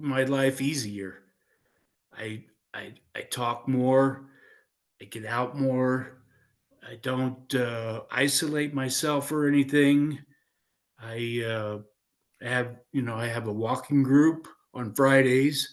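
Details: Aphasia in a 56-year-old man following a stroke in 2016, with hesitations and self-corrections.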